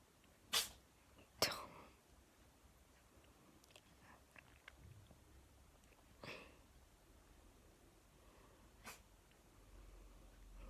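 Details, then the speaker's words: Cat sneezing repeatedly, about five bouts, owner jokes something is wrong with her: about four sharp, short sneezes in quick succession over quiet room noise; repeated sneezing. "my cat's weird sneezing. She's like this, like, she's done this like 5 times."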